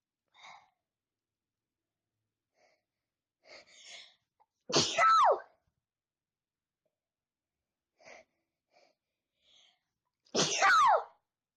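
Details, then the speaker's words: Two loud, explosive sneezes recorded for a sneezing challenge, each after a few quick sharp in-breaths, with a falling vocal cry; ordinary sneezes. "You see how much times I'm sneezing? You hear the scream? Watch my sneeze, how I sneeze video, and that'll be right."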